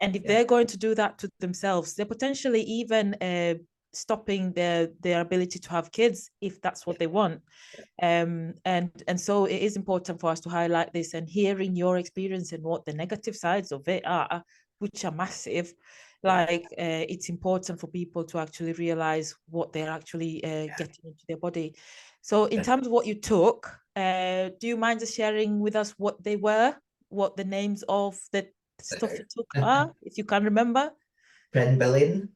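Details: Adult podcast host; normal voice.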